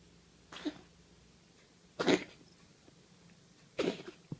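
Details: A cat gives three harsh, breathy hacking bursts, a retching cough while bringing up a hairball.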